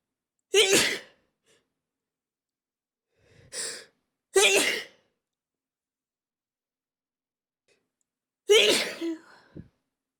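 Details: 400-subscriber compilation of the poster's own sneezes: four sharp, explosive sneezes over about ten seconds, one softer and muffled, with silence between; a mix of stifled and normal sneezes.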